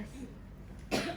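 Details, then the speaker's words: Demonstration of effective cough during inhalation therapy care: patient takes two breaths in and out, holds the third breath 1–2 seconds, then gives one abrupt, forceful cough over quiet room noise, done before re-auscultating chest breath sounds. "nanti yang ketiga baru nafas tahan 1-2 detik kemudian kita bakal pasien untuk batuk dengan keras"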